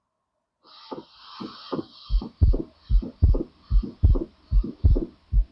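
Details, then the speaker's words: Physiological splitting of S2 in a teaching audio clip: regular heart sounds near 74 per minute, with the second sound splitting into two close components on inspiration. A normal split second sound. "You can just hear this is normal split second sound."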